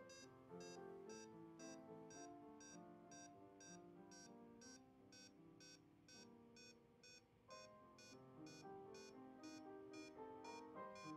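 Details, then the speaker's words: LLEAP patient-monitor simulator: rapid, regular SpO2 pulse beeps whose pitch falls as saturation drops to 65 percent, signalling desaturation. "two spo2 piping tones reflects the saturation's level and oxygenation status note the spo2 tone changes has the saturation drop to 65 percent"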